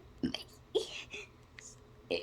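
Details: Deliberate playful burping of the ABC song: short voiced burps shaped into spoken letter sounds.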